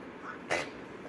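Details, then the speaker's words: Young woman while cleaning dust: a single short, sharp burst of air against quiet room noise; a sneeze. "just cleaning that means there's dust everywhere me I'm going to sneeze cuz I can s all day oh my God sorry SpongeBob oh God those was a double SE oh it's horrendous"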